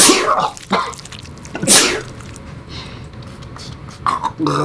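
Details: Acted comedic sneeze from a skit on types of sneezes: an exaggerated imitation mixed with burp-like and throaty noises, not a natural sneeze.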